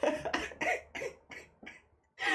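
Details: A run of about six short, wet-sounding coughs fading in strength, then an indrawn breath: coughing from an adult woman with a cold, voice hoarse, during a livestream.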